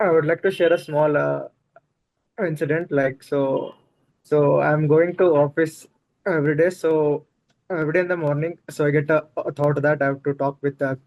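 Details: Adult man who stammers, notably in situations such as talking to a bus conductor or at a shop; stuttering.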